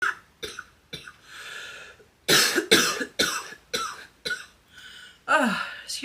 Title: Coughing girl